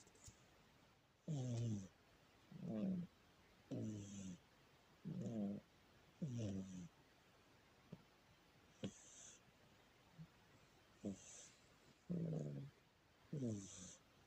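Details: Sleeping cat snoring so hard the sofa vibrates: rhythmic, rattling, purr-like snores, about ten breaths over fourteen seconds, with quiet pauses between them.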